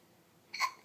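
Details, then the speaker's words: Young child's hiccup: a single brief, sharp 'hic' against quiet room noise, while an adult tries scaring her to stop them. "What you doing? You got hiccups? I have hiccups too. It's going around."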